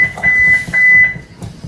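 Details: Defibrillator charging tone, heard during a cardiac arrest scenario.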